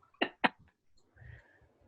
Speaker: Every time he hits my cough, you just hear it. COVID. COVID.